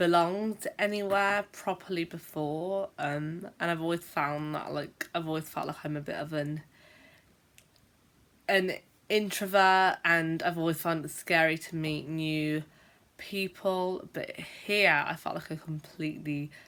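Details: Stuttering (stammering) in an adult woman, a teacher who has a stammer and sometimes blocks for long periods; spontaneous speech with a filler and repeated words.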